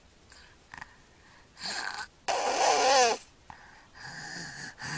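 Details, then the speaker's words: Sleeping boy with obstructive sleep apnea: snoring, pauses with breath-holding and no air entering the lungs, then a loud strained gasping recovery breath and shaking that disrupts sleep. "now he's gasping for air the breath he took beforehand he was actually not getting anything into his lungs"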